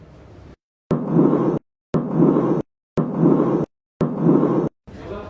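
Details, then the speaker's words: Mid-diastolic murmur of mitral stenosis, best heard at the apex: regular cycles near 58 a minute, each a sharp sound followed by a long, low, rough lumbering rumble. "it is a rough lumbering a mid diastolic murmur mostly it can be of mital stenosis best heard in the Apex area"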